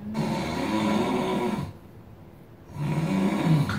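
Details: Loud, coarse rattling snores on two breaths with a quiet gap between, presented in a discussion of snoring in pregnancy and sleep apnea; heavy snoring needing more than simple nasal aids; severe snoring.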